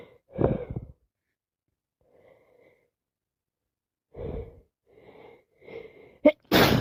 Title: It's defo another cold 🤧 non stop wet sneezes and buildups with sniffing and bit coughing